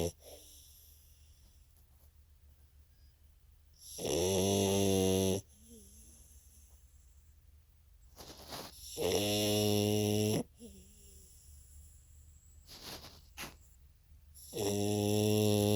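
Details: Fig, a French Bulldog, snoring: loud, rattling snores about every five seconds with quiet breathing between them.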